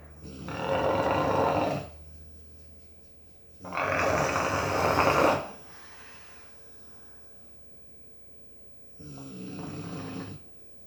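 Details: Dog named Jasper snoring: three loud, rough, rattling noises on breathing in, about 5 seconds apart, with quiet breathing out between, in a quiet room.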